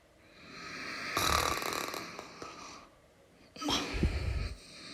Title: Snoring sounds (1 Hour)